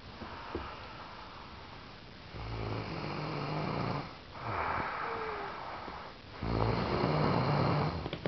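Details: Adult snoring: rough, rumbling snores on inspiration, about three in eight seconds, over steady room noise; ordinary snoring.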